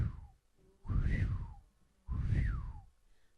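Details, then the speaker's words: Imitated vascular bruit: two rising-then-falling whooshing sounds, about 48 a minute, vocally demonstrating the abnormal bruit heard with a stethoscope, pitch getting higher and whistling as it worsens, contrasted with normal blood flow. "normal sound that's normal blood flow with a brew the pitch gets higher there's a whistling F okay"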